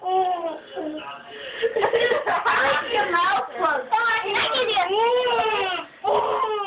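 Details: Thirteen-year-old girl convincingly imitating a baby's wailing cry, with rising and falling tones and brief breath pauses, performed first with mouth open and then closed.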